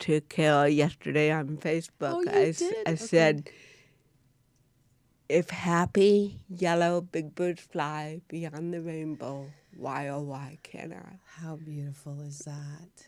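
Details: Adult woman, an actress with cerebral palsy. Finding: dysarthria in cerebral palsy.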